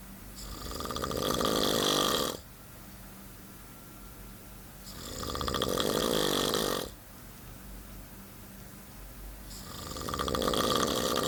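Loud, rattling snores on each breath in, about three over eleven seconds, roughly one every four and a half seconds, with quiet breathing out between.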